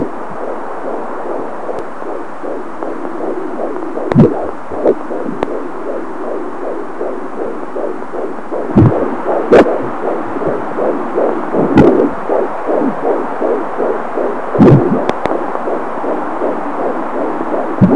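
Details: A fetal heartbeat at 18 weeks' gestation on an Angel Sounds fetal Doppler: fast, regular whooshing pulses at about 150 a minute, with occasional probe bumps.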